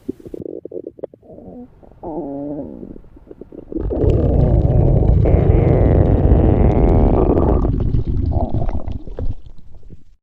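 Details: Stomach rumbling (borborygmi) from a named person, with music in the background.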